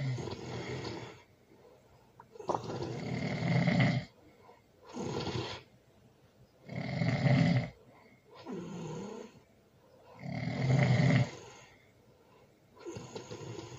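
Loud, rattling snores on each breath, about 17 a minute, with quieter breaths out between them; heavy sleep snoring.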